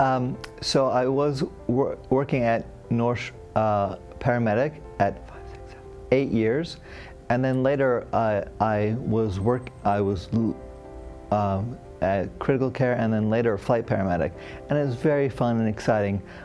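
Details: Adult man, a former paramedic, with aphasia and hemiplegia after a stroke during heart valve surgery, having difficulty with names, numbers, reading and writing; aphasia after stroke.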